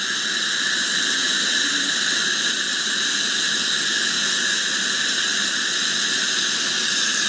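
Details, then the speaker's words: Loud continuous hiss and high whine of high-volume suction with an ultrasonic scaler cleaning the lower anterior lingual teeth, capturing aerosols with no splatter on the mirror. "the hde is capturing all the aerosols you can see that there's no splatter on the mirror"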